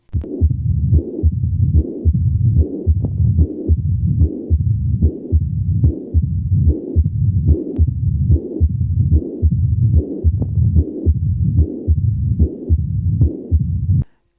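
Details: Combined mitral stenosis and aortic regurgitation: regular heart sounds at about 73 per minute, with low rumbling and blowing murmurs filling much of each cycle.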